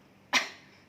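One sharp, forceful cough with an abrupt onset, demonstrated by an adult: a voluntary cough showing normal, firm glottal closure.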